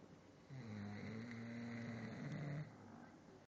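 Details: Snoring during a morning nap: one long, low, droning snore on breathing in, lasting about two seconds, with quiet breathing before and after.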